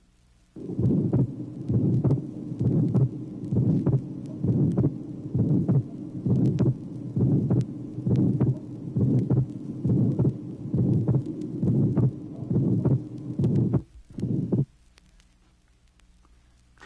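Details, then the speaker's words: Teaching heart recording from 1967, tracing 3: regular heartbeat near 67/min with a widely split second sound, pulmonary component always last, plus a systolic murmur. "tracing number three more widely split second sound the pulmonary component always being last in addition there is a systolic murmur"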